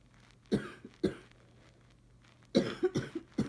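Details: Adult with bad allergies and sneezing, now coughing, asking whether it is allergies: several short, dry cough bursts in two groups with quiet pauses between.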